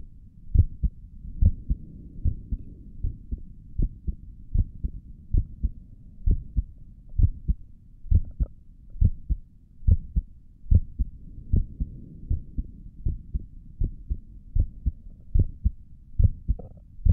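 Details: ASMR recording of an adult's resting heartbeat, heard through a stethoscope on the chest: steady soft low thumps at about 70 beats a minute with quiet room hum; normal heartbeat.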